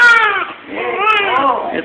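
Loud, high-pitched wavering crying from a newborn in bursts, a normal vigorous cry just after birth.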